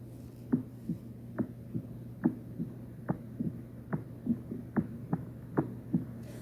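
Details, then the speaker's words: Mechanical aortic valve replacement heard in an MRCP station 3 cardiovascular examination: regular heart sounds about 70 a minute with a sharp, crisp metallic click coinciding with the second heart sound. Prosthetic valve disease goes with a midline sternotomy scar. "in Artic valve replacement the click sound will coined with this2 concentrate and listen"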